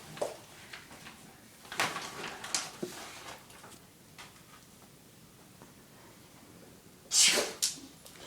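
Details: Trained dog sneezing on command: a sharp, breathy nasal burst with a smaller follow-up puff, plus faint earlier snorts.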